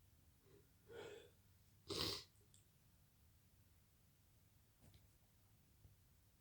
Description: I'm sneezing after a workout in the garden